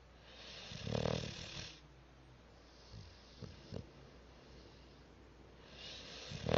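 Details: Cat snoring loudly in sleep: two loud rattling snores about five seconds apart, with faint snuffles between them, in a quiet room.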